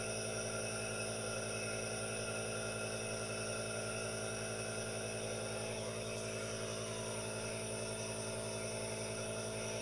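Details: Aerosol nebulizer running during relaxation with hand movements and no talking: steady mechanical hum with a constant hiss, the continuous running noise.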